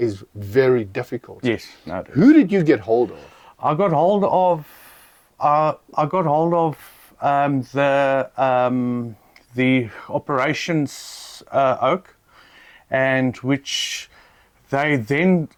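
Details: Adult man who stutters; stuttering.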